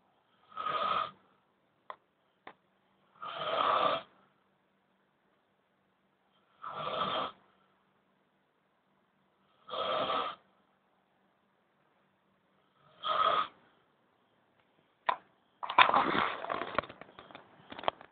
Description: snoring old men, every damn night.